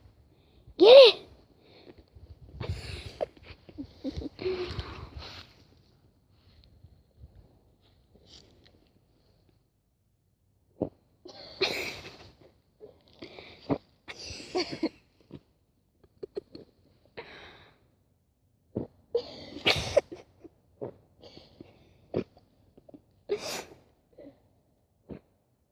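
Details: Dog sneezes repeatedly in short, sharp bursts with snorts and sniffing between them, after sniffing in dirt.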